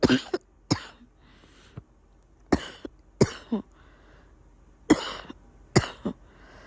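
About six coughs in pairs and short runs, with a loose, phlegmy quality of a congested cough.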